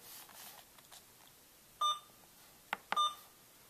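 A few short, high electronic beeps from an IV infusion pump as keypad options are selected, in a quiet room.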